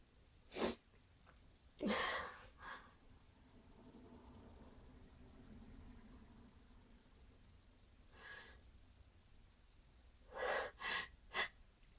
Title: Very loud sneezing with buildups